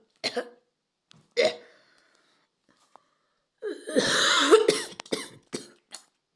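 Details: Person said to be coughing up blood: two single coughs, then a longer harsh coughing bout with trailing coughs; blood not audible.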